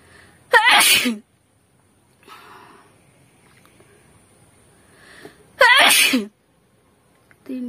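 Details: Performed sneezes for a sneezing and nose-blowing challenge: two loud, sharp sneezes with a voiced burst, separated by quieter breathing and a sniff.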